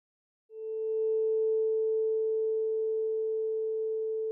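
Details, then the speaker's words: A vibrating tuning fork is placed medially on the patient's head for the Weber test, which compares bone conduction on both sides to tell conductive from sensorineural hearing loss. A steady, pure hum is heard. "The Weber test compares bone conduction in both sides. Start by placing a vibrating tuning fork medially on the patient's head."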